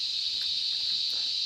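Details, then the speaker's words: Tinnitus matched by a specialist for a patient's frequency and intensity: steady high-pitched hissing whistle reproducing what the patient hears constantly; simulated tinnitus. "maintenant notre spécialiste connaît avec précision la fréquence et l'intensité de la couphène il va pouvoir agir ça c'est ce que Maxence entend tout le temps au quotidien"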